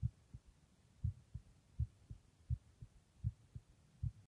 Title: Just my heartbeat sound (listen with headphones)